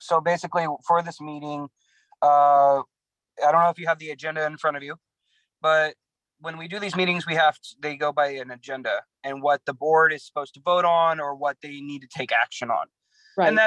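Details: Adult speaker, remote meeting audio; normal voice.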